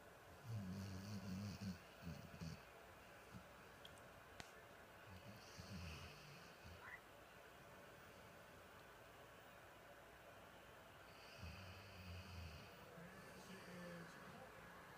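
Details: Low, rattling snores in bursts separated by quiet stretches, with faint room noise between them; snoring.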